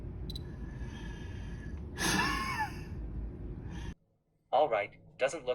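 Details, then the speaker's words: Steady hiss of a long deep inhalation, then a sharp forceful blast of exhaled air: maximal forced expiration during FVC/FEV1 spirometry in an active male college soccer player. "to measure fvc in fev1 the participant has to take a long deep breath in and a short but explosive breath out"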